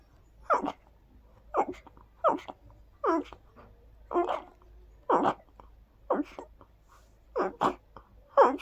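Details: Rapid sneezing fit set off by perfume sprayed on the hands, with the hands cupped around the nose while sneezing into them. About nine short, sharp nasal bursts with brief pauses between them.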